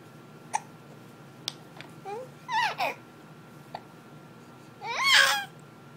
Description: We get the hiccups - a lot